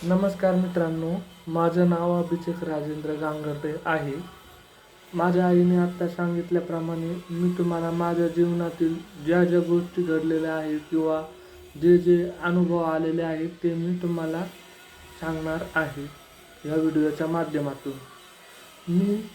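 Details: Speech of a deaf young man, a final-year pharmacy student, who learned to speak despite deafness from childhood; speaking Marathi.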